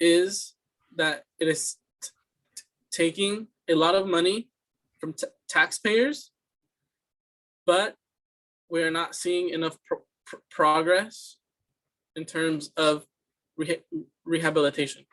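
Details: Student's fluency speech sample for a communication disorders class, answering interview questions: stuttering with repeated words and phrases.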